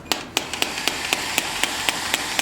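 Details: SW18 electric radial shockwave therapy handpiece firing on a client's painful shoulder after gel applied: sharp, regular clicking taps about four a second over a steady hum.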